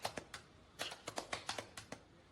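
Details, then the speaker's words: Quick, hollow rhythmic claps of cupped hands on a post-operative patient's chest, done gently from bottom to top for 5–7 minutes front and back: chest physiotherapy percussion to loosen secretions for coughing. "ये जो मैंने अभी आपको करके दिखाया ये कम से कम पांच से सात मिनट आपको आगे पांच से सात मिनट पीछे 10 मिनट का परकन बहुत जरूरी है"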